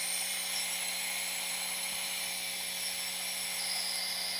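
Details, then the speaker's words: Steady high-pitched hiss with faint low hum from a new small portable nebulizer running with water only, no medication; runs smoothly and fairly quietly. "this is it mixes pretty well it goes really smoothly it's not that loud for the nebulizer"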